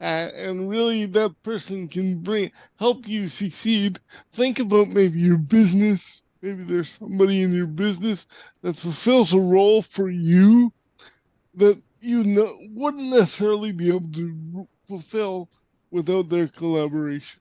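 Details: Dysarthria in a podcast host with severe cerebral palsy, who says he sounded different when he spoke and would sometimes get really tense; real speech, not acted.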